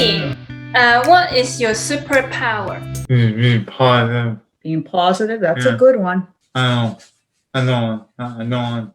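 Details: 31-year-old man with Broca's aphasia, apraxia of speech and dysarthria after a traumatic brain injury in a 2016 car accident; he has word-finding difficulty and speaks slowly.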